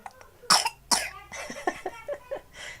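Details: Toddler with a cough that occurs at night: two sharp, loud coughs followed by softer breathy sounds and small vocal noises.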